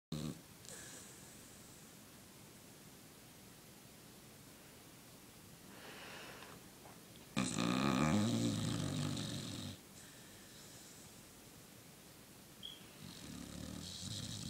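Quiet breathing with a few rough, rattling snores, one louder snorting breath in the middle.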